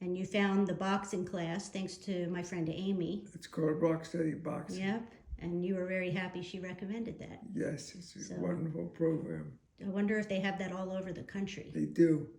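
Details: Adult woman and older adult man in conversation; conversational speech.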